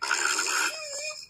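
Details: Single loud snore from a sleeping woman: a brief, rough, rattling breath noise ending in a humming, tonal tail.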